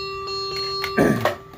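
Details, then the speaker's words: Servo-i ICU ventilator demonstration for physical therapy staff; the circuit is held shut to simulate a patient unable to breathe or coughing: a steady high alarm tone with a chime, then handling noise; peak airway pressure alarm. "that's a peak airway pressure if I hold it tight it'll go red because it'd be really bad but I'm essentially holding the lung shut so the patient can't breathe"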